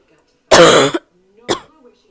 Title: barking cough (f)